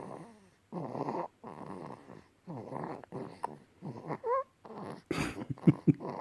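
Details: Infant asleep after nursing and a warm bath: soft, repeated, slightly voiced snoring noises with each breath; infant snoring.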